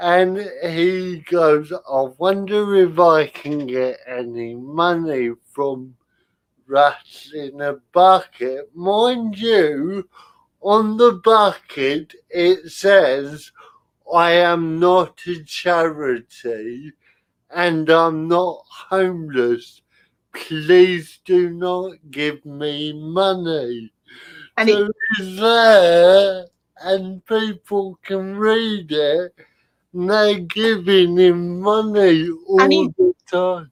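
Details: Spastic dysarthria in a male speaker with spastic cerebral palsy who cannot control his limbs properly and whose speech is also affected.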